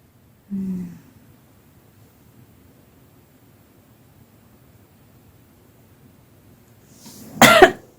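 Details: A tired adult woman, just past a bout of hiccups, yawning and whispering before a nap: a brief low voiced sound, a long pause, then one sharp dry cough.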